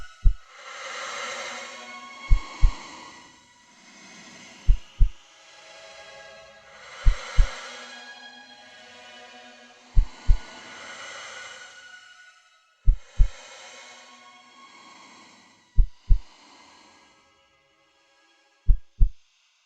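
Slow paired heart thumps, about 21 a minute, with a swelling, droning tonal noise filling the gaps between beats.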